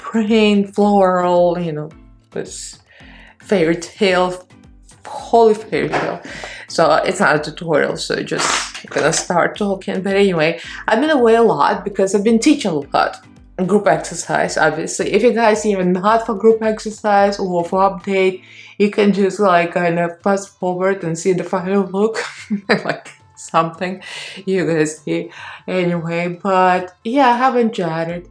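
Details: Adult woman with mild spasmodic dysphonia, a neurological disorder with vocal cord spasms on vowels, more noticeable in longer speech, no cure; spasmodic dysphonia.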